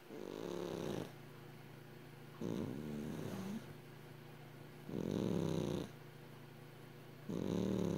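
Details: 12-year-old Exotic Shorthair cat sleeping, with little dream twitches: rhythmic low rattling snores with each breath, roughly 28 a minute, steady background hum between breaths; snoring.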